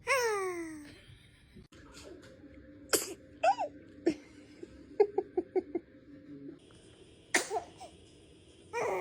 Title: Baby sneeze 🤧🤣 #baby #sneeze #funny #cute #funnybaby #funnymoments #funnyvideos #love #viral